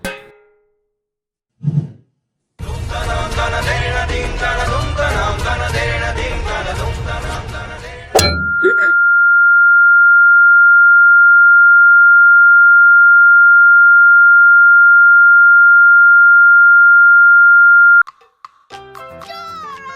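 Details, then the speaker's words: Comedy skit simulating tinnitus, ringing heard in the ears when quiet: after loud music, a steady high-pitched ringing tone holds for about ten seconds. "நீங்க அமைதியா இருக்கும் போது உங்க காதுல ரிங்ன்னு சத்தம் கேட்ுருக்கா அதுதான் டினிடஸ்."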